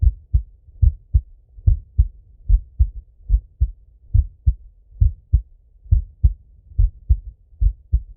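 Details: Self-auscultation of an adult male's heart with a stethoscope while he falls asleep; clear paired lub-dub beats, regular at roughly 70–75 per minute; normal heart sounds.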